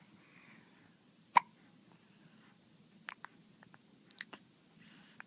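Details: Hiccups: one sharp hiccup followed by a few fainter clicks in a quiet room.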